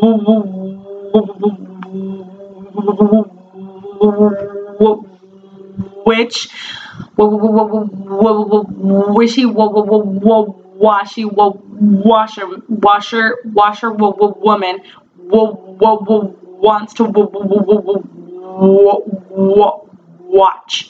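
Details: Adult woman who stutters saying a tongue twister on her feared hard W sound, with word repetitions; stuttering.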